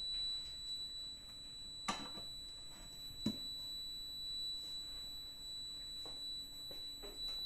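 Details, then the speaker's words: Steady high-pitched electronic alarm buzzer over room noise with scattered clicks from an SLE 5000 neonatal ventilator, in use since 2014 with its original battery, alarming during battery and oxygen-cell replacement. "so Ayan yung nag-aalarm buzzer niya"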